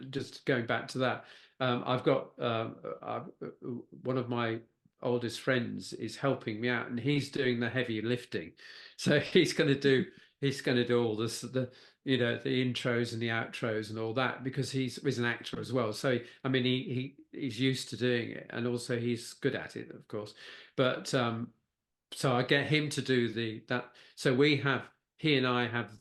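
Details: Post-stroke aphasia in a man who had a stroke at age 69, with word-finding difficulty that is worse when he is tired.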